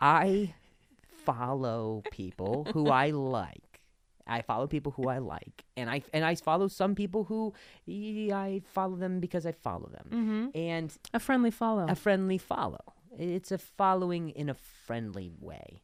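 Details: Male comedian with a stutter speaking in unscripted podcast conversation; stuttering.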